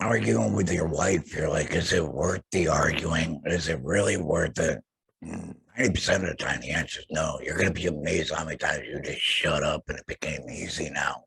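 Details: Adult male laryngectomee after laryngectomy surgery, using an HME and a base plate over his stoma; laryngectomee speech.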